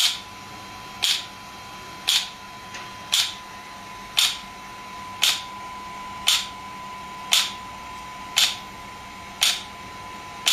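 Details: Pulses from an SW5S shockwave therapy device for ED and plantar fasciitis, with the feet placed up and gel applied: sharp, evenly spaced clicking snaps, about one per second, over a steady hum.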